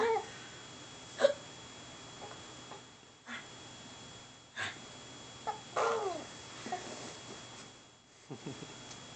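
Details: Girl with hiccups while her big brother makes her laugh: several brief, abrupt gulping catches at uneven intervals amid soft breathy laughter attempts in a quiet room; hiccups.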